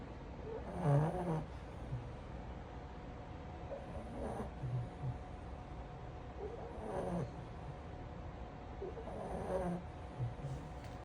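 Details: Snoring in a sleeping French Bulldog: regular rumbling snores with each breath, about 21 a minute, over a steady background hum.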